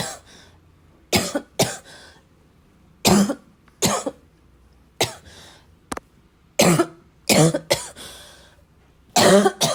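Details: Persistent bad adult cough in a prolonged coughing fit, described as a little wheezy, a little chesty and barking as always: repeated harsh coughs, about ten in ten seconds, mixed with throat clearing.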